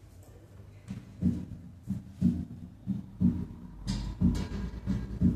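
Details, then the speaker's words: Normal heart sounds at the aortic area: a regular heartbeat at 60 per minute with a single first sound and a louder second sound. "pasemos al área aórtica donde s1 se oculta Como ruido único nótese que s2 es más sonoro que s1 escuchamos primero 60 latidos por"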